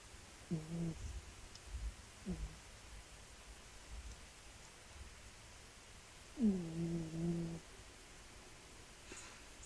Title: Cat sleep with snoring